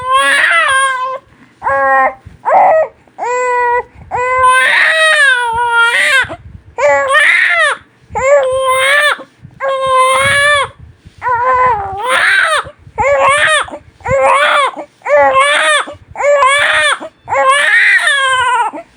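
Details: Vigorous cry of a newborn baby in repeated loud bursts with short breaths between; persistent, strong newborn crying.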